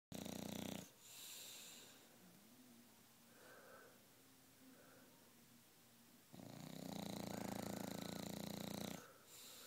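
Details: Bulldog snoring in the morning with her tongue hanging out: two loud rattling snoring breaths separated by a quieter, faintly whistling breath; snoring.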